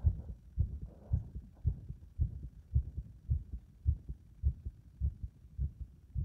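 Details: Heart that becomes unstable under compression: low thudding heartbeats about 110 per minute with uneven spacing between beats, an irregular rhythm.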